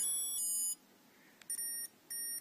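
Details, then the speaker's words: Medtronic MiniMed insulin pump setup, filling 0.3 to prime the end of the newly inserted infusion-set line: three short high electronic beeps signalling that priming is complete. "It's going to fill 0.3, which just is filling the end of the line of what you just inserted. Okay, that beep signals it's done."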